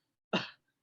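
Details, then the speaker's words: One short, harsh, hollow cough burst without a sharp explosive start, imitated during a pediatric teaching discussion as a bovine (brassy) cough linked to recurrent laryngeal nerve palsy, for example after PDA ligation; bovine cough. "you know it means it is a bowen cough as you said recurrent laryngeal policy can occur as a result of pda ligation surgeries in pediatrics"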